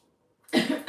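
After a brief quiet moment, a single short, harsh cough from an adult in a small indoor room.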